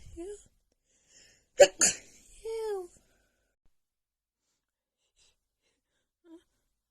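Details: Sneezing fit from seasonal allergies flaring just before spring, recorded in the morning: two sharp sneezes in quick succession, then a short vocal sound; allergic rhinitis.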